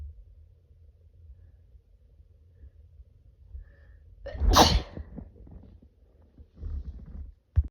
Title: Morning Sneezes(f)